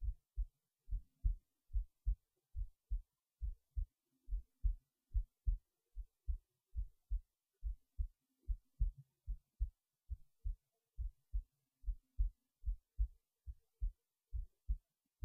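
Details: heartbeat recorded while resting in bed late at night before sleep; regular low thumps at about 70 beats a minute in a quiet setting; normal heartbeat.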